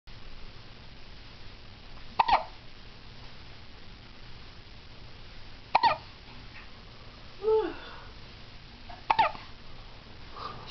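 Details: Three sharp, abrupt hiccups at irregular intervals, about one every three to four seconds, against faint background noise; ordinary hiccups.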